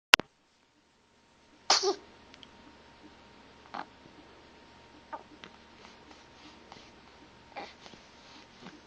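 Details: Infant boy about 3 weeks old gives one sharp, high sneeze, followed by soft breathy sounds and small noises; sneeze.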